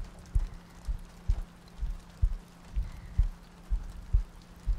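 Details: ASMR sleep-aid audio loop: soft, regular low heartbeat thumps at about 63 beats a minute, with rain ambience and soft breathing in the background; steady heartbeat.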